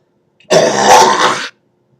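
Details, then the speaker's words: Adult smoker's cough: one harsh, rasping, throat-clearing cough about a second long; the person says they cough like that after smoking a joint and jokes about COPD. "I think I'm dying from COPD when I cough like that. I'm sure."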